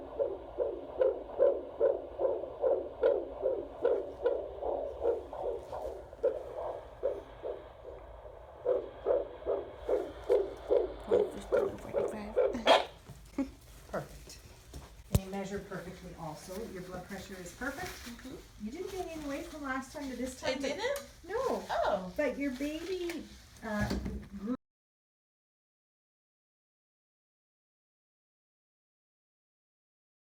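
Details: Fetal heartbeat on Doppler at 32 weeks of pregnancy: a fast, regular whooshing at about 150 beats a minute, a normal fetal rate.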